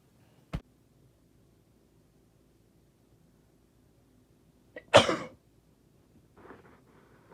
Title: Induced Sneezing (F)